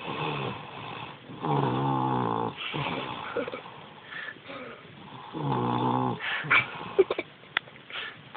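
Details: 3-year-old girl snoring during sleep: loud, rough, vibrating snores on breaths with quieter gaps and a few clicks.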